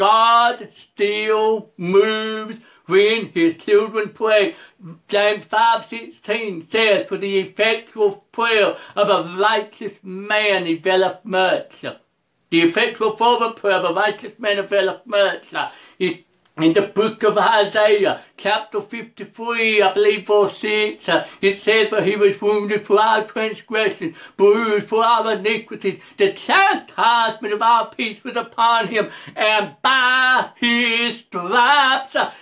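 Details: Adult male preacher who reports a speech impediment, along with other disabilities including trouble seeing and hearing and being unable to drive; speech impediment.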